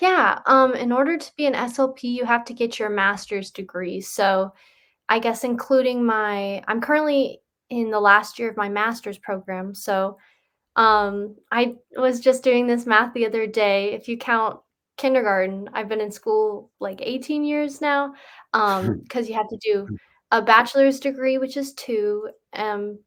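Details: Adult woman speaking; Normal fluent speech.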